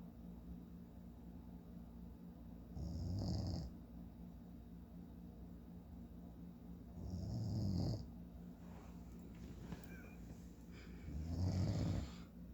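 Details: Three loud, low rattling snores on the in-breath, about 15 a minute, over steady room hum, from a sleeping adult man; ordinary snoring.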